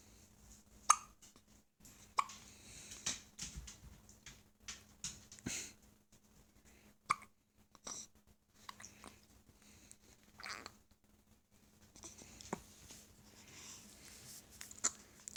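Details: Infant hiccups: repeated short, sharp catches of breath at irregular intervals.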